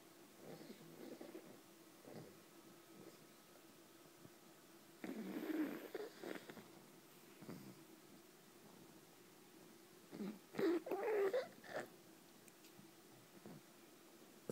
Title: Breezy cute doggy snoring- cutest pug !